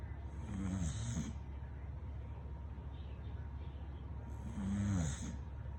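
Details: Sleeping American Bully dog snoring: low, rumbling snores on each breath, about 15 a minute, over a steady background hum.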